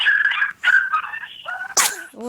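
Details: Normal infant sneeze: high-pitched baby giggles and squeals, then one sudden sharp burst of a sneeze, followed by a brief voiced sound.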